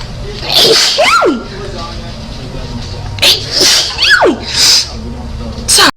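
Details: Female sneezing compilation: three sharp sneezes, each with a rising breath in before a forceful burst, over a steady room hum.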